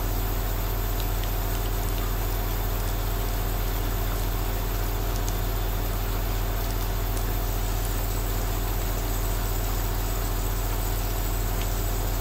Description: 2H of relaxing ASMR Aerosol nebulizer sound while outside it's raining